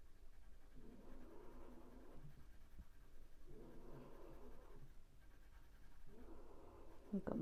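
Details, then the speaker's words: Small dog snoring while asleep under a table: rhythmic, rattly snoring breaths at about 24 per minute, with a funny noise, in a quiet room. "my little dog snoring again under the table now. You can hear a funny noise."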